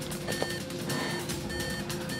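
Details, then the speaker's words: Repeating steady electronic alarm tones over music and room noise: second monitor alarm in a simulated emergency-room scenario, patient not breathing and without a pulse, before crash cart and chest compressions. "15 seconds oh there goes the second alarm does he still have a pulse no okay"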